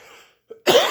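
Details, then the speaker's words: A single harsh, rough cough burst after a brief throaty sound, from an adult man who says the cough is killing him, while giving a walkthrough tour of a building. "I'm sorry guys this cough is killing me"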